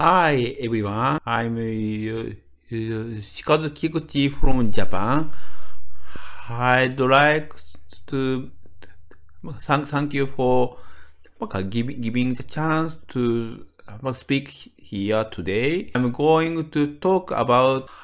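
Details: Adult medical doctor from Japan with developmental (childhood-onset fluency disorder) stuttering; word repetitions audible; stuttering.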